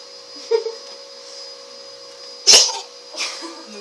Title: Кот и кашель